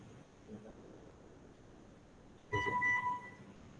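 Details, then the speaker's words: A steady electronic alarm tone for about a second over quiet room noise: a ventilator's low-priority alarm sounded during alarm testing in ventilator calibration practice. "hai pertama kita akan ngetes sinyal alarm Jalan prioritas Mereka terlihat atau terdengar itu berita selengkapnya suaranya"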